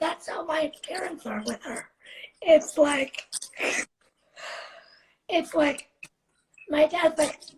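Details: 17-year-old living with cerebral palsy, speaking spontaneously in a live interview; possible dysarthria in cerebral palsy.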